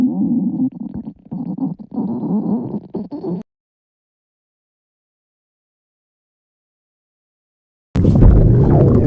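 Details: Low gurgling, rumbling abdominal sounds in irregular bursts, then silence and a brief louder rumble; stomach growling (borborygmi).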